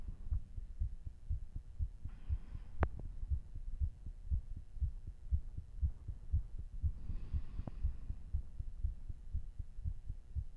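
Quick, strong, regular heartbeat at about 120 a minute after hard exercise; a normal raised rate.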